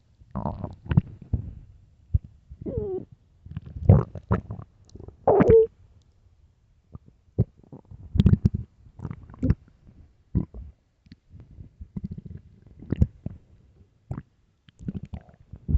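Irregular low gurgles, squeaks and rumbles with short pauses: hunger-related stomach growling (borborygmi), a normal gut sound.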